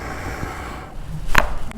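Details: Chiropractic neck adjustment of a Vietnamese woman treated for neck and shoulder pain: low rustling, then a single sharp crack, a joint cavitation pop.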